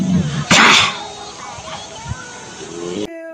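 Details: A dog gives one sharp, hissing sneeze over quiet background music.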